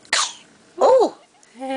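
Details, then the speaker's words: Newborn baby boy's first sneeze while tired after sleeping all day: one short, sharp infant sneeze, followed by a small vocal sound and an adult voice praising it. "was his first sneeze good you who is here good job it was the cutest sneeze in the world"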